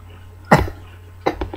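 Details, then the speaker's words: A little boy gives two short, forced coughs: a deliberately faked cough while pretending to be sick. "Yeah. That's not a cough. A fake one. Fake? Fake cough?"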